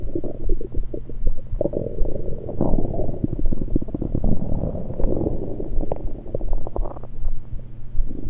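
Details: Stomach gurgles recorded with a USB electronic stethoscope, not during digestion but from liquid and air moving: continuous low rumbling with frequent bubbling gurgles and pops, active bowel sounds.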